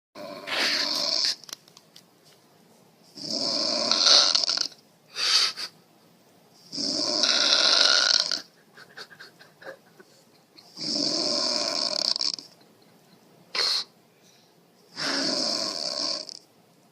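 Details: Mother snoring, her baby startled by the sound; loud, harsh, rattling snores, about four in seventeen seconds, with quieter breaths between; heavy snoring.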